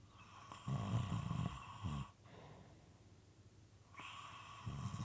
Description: This is a 5 1/2 minute clip moist and sometimes irregular snoring.